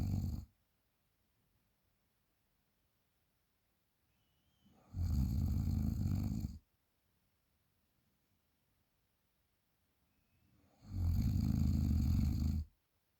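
Two loud, low, rattling snores about six seconds apart, with quiet pauses between them. Heavy snoring.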